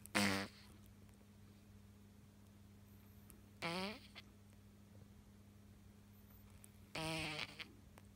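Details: Awake pet after two surgeries for stenotic nares: loud, buzzy, snore-like breathing noises about 20 a minute; stertor.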